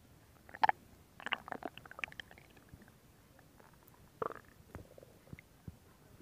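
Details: Stomach growling: irregular gurgles and bubbling clicks from the abdomen, ordinary active bowel sounds.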